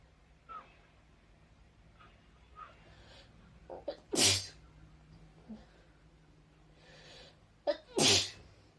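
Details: During a COVID-19 nasal swab test: two forceful sneezes, each with a short in-breath before the burst, amid quiet sniffs and breathing; swab-triggered sneezing.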